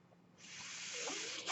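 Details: Brief quiet, then a steady rising airy hiss of delivered airflow: a mechanical ventilator breath cycle from the podcast speaker's own ventilator.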